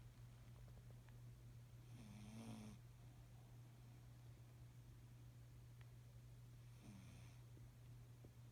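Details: A cat resting on a pillow gives two rough, rattling snores several seconds apart over a steady low hum, said to sound like a hog; snoring.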